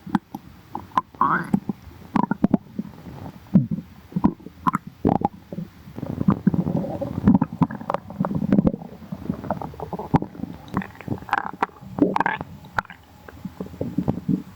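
Gurgling, rumbling and squelching bowel noises come and go irregularly; ordinary stomach growling.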